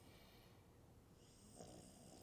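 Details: Person passed out asleep while sitting up, not lying down: a low, rough rumble of breathing in deep sleep with a louder snort partway through; snoring.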